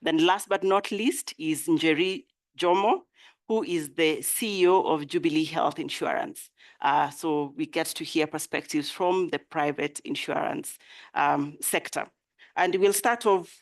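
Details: Adult woman; typical voice.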